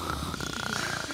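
A brief, steady rattling flutter in the throat during breathing, heard as snoring.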